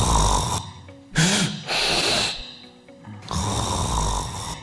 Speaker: ¿qué es lo que estamos escuchando? Un ronquido. Eso es el ronquido. Es el característico ruido.